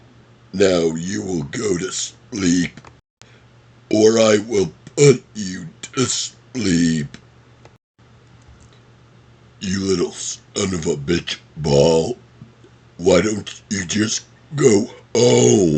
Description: Here are some of favorite quotes from the movie Happy Gilmore.. burped!